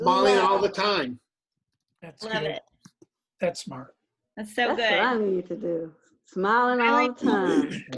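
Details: Woman with aphasia after a stroke, who had a baby around age 40, speaking in paraphasic, broken sentences; aphasia.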